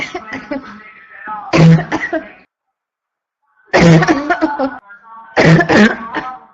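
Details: Constant barking cough in a female: runs of harsh, deep coughs in quick bursts separated by a brief pause.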